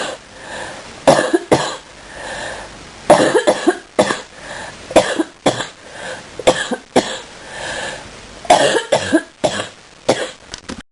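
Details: Morning coughing fit in bed: about a dozen repeated harsh cough bursts with throat clearing and noisy breaths between them, over steady room hum.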